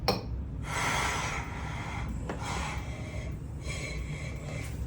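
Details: Rhythmic airy whooshes of gas flow, about three in five seconds, as a Hamilton G5 ventilator in non-invasive mode delivers breaths through a face mask connected at the flow sensor.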